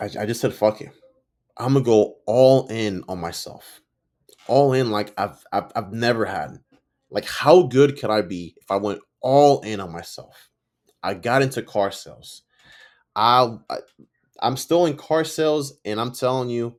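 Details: Stuttering in an adult man, self-reported, with audible sound and word repetitions; he says he sometimes stutters and butchers or mispronounces words.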